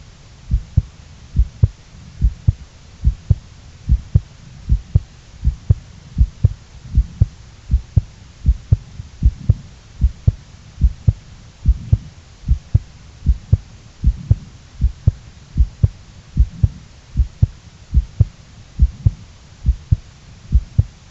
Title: Second heartbeat recording